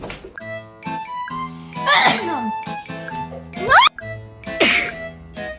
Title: The cat’s reaction when l sneeze #funnyvideo #funnycat #petcat #cat #pet #funny #pets #cats